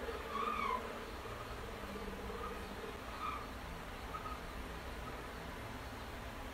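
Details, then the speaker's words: Soft, irregular gurgles over a steady low hiss, heard across all four abdominal quadrants during a nursing abdominal assessment demonstration; normal bowel sounds present. "okay so there are presence of the vowel sounds with the abdomen of the patient of the four quadrants of his abdomen"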